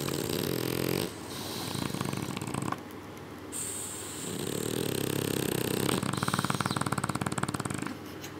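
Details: Sleeping French Bulldogs with loud rattling, snorting breaths and rough fluttering on each breath; the observer suspects sleep apnea; snoring.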